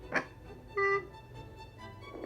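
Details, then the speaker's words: Fetal movement heard on a home fetal Doppler at 19 weeks of pregnancy: a quick scratchy burst, then a brief high whistling squeak over faint static. "That noise means it's moving."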